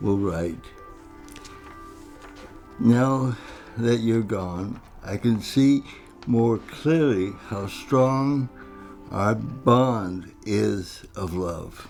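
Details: Adult man with cerebral palsy, described as talking and walking differently; dysarthria (cerebral palsy).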